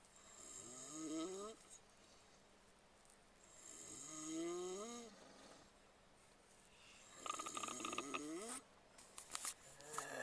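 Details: Three people snoring while asleep on a tour bus, recorded on a mobile phone: loud, tonal, whistling snores recurring every three seconds or so, with rustling noise near the end; ordinary snoring.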